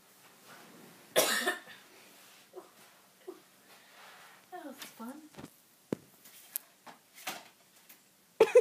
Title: is coughing to death